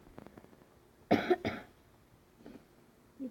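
Two quick, harsh cough bursts in a quiet room, then faint background sounds.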